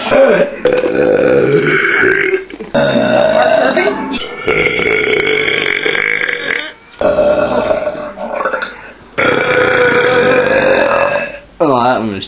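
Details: Child burping repeatedly: several long, loud voiced belches in a row with brief pauses between them.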